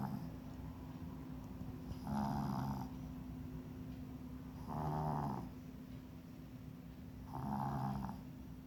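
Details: Snoring while asleep during an acupuncture session: three soft, rattling snores at an even pace, about 20 breaths a minute, over a steady background hum.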